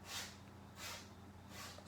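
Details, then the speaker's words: Cat with allergies sneezing: three faint, breathy bursts less than a second apart over a low steady room hum. "She has allergies, but she's okay. But if y'all was wondering what that noise was, she's sneezing."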